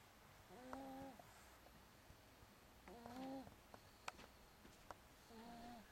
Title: Baby Snoring